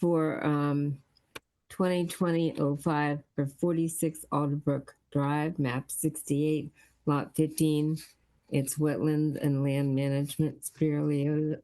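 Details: Adult male speaker; Ordinary speech.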